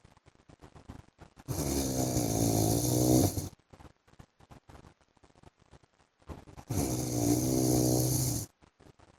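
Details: An adult man snoring during sleep, with loud, rattling snores on each long breath, about 12 a minute, and quiet between them; habitual snoring.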